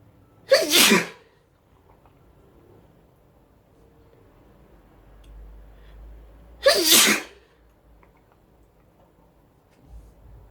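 Two loud, sharp sneezes about six seconds apart, each a sudden noisy burst, in a quiet room.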